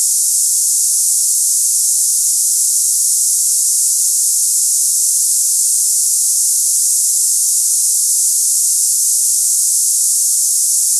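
Steady, unbroken high-pitched hiss like cicadas, a simulation of the hissing tinnitus some people hear.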